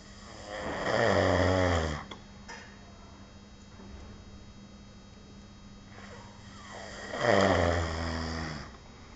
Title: Loud Snoring